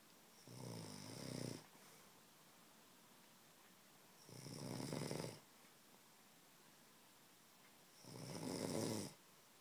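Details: A person snoring while sleeping.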